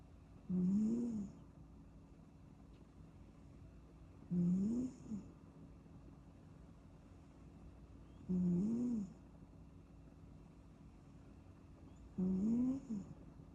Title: 8 minutes of kitten snoozing snoring sounds